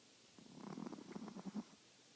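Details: Chihuahua snoring during sleep: soft, rapid fluttering rumble over about a second, a small dog's snore.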